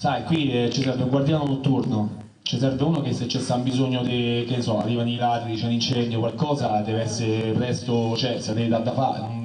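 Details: Adult male actor; fluent speech.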